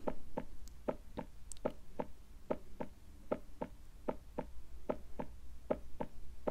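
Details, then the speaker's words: Simulated heart sounds: steady paired lub-dub at about 75 beats a minute, a normal rhythm produced by the heart valves closing. "So that lub-dub sound that you can hear, the beating of the heart, that is the valves that are actually opening and closing. So that is the sound that you hear when somebody's heart is beating."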